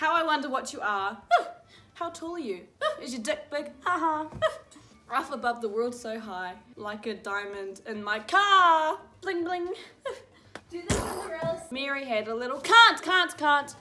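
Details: Teenager with Tourette syndrome reading nursery rhymes aloud: involuntary vocal tics, including swearing and inserted words, interrupting the reading.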